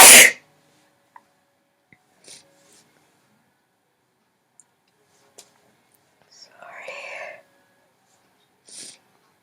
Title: Sneezer sneezing sneezes is back... :D